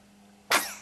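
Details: After a quiet moment, a single sudden explosive burst of air trails off quickly; a sneeze.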